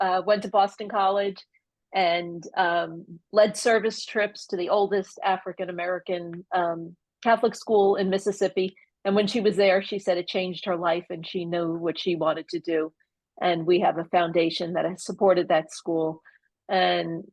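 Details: Adult woman speaking; Normal speech.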